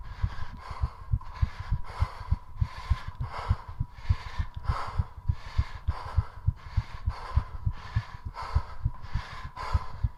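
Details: Heart rate rising during 3.5 minutes of squats done to push it as high as possible: fast heartbeat with heavy breathing from exertion.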